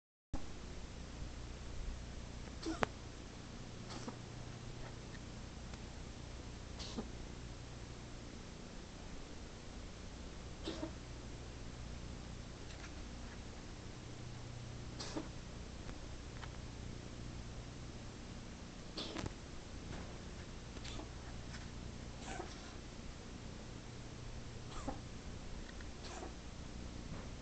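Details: Chronic dry cough in a five-year-old male cat, present since kittenhood and not hairballs; repeated vet checks found nothing wrong. Repeated short, soft, dry coughs scattered over half a minute against a low room hum.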